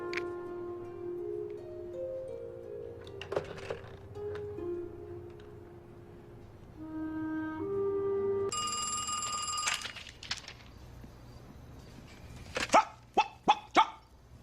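Soft music and a ringing phone, then four sharp, bark-like vocal bursts in quick succession: acted vocal tics of Tourette syndrome.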